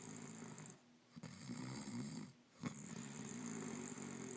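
Rough, rattling breathing noise continues through most of the clip with brief quieter gaps, consistent with snoring.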